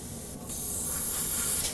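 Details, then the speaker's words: Handheld atomizer with directional tip, button-activated, spraying lidocaine topical anesthetic toward the palatoglossal folds during preparation for awake intubation of a simulated upper airway obstruction patient: brief soft hiss of a spray burst. "simply by depressing this button it atomizes"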